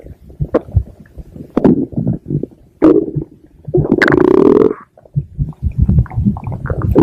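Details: Stomach growling (borborygmi), reuploaded recording: bursts of low gurgling and rumbling with one longer squeaky growl.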